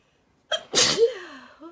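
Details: Girl sneezing: quick indrawn breath, then one sharp, forceful sneeze with a short voiced tail; sneeze.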